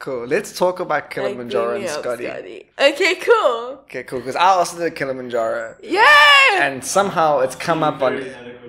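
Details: Adult speakers in conversation; typical speech.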